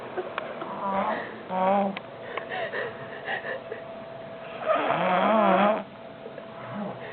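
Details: Adult man sleeping after a long night of drinking and smoking: loud, tonal snores with wavering, almost vocal pitch, including one long drawn-out snore, amid quiet room noise; unusual-sounding snoring.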